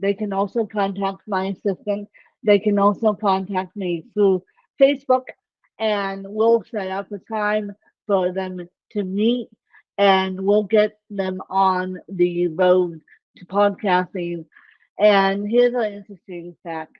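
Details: Adult woman with self-reported ataxic cerebral palsy; the speech impairment type is not named; dysarthria (ataxic cerebral palsy).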